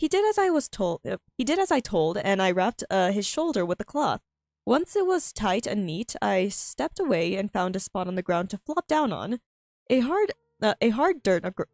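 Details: Female streamer with self-reported frequent stuttering, reading aloud her own story, which she finds difficult; repeated phrases and fillers; stuttering.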